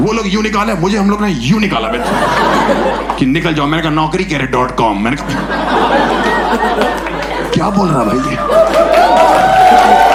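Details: Adult male speaker; no speech disorder.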